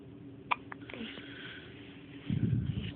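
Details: A 5-day-old baby girl at 5 am with her first hiccups: a couple of short, sharp hiccup clicks over faint room noise, then soft infant fussing.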